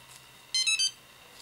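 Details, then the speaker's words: A brief run of high electronic beeps in a quiet room: the start-up self-test of a Snuza Hero MD baby breathing monitor that clips onto the nappy, switched on by its side button on a hard, flat surface. "so I'm just going to show you how to turn the monitor on it has to be on a hard flat surface just re just press this button on the side here does a self-test"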